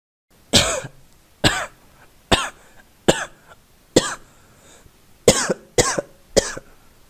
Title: Male Cough voice [Sound Effect]